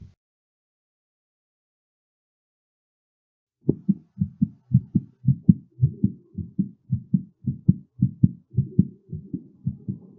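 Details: Heartbeat during and after physical exertion: fast, regular rate about 110 beats a minute after a silent start, each beat a clear double thump.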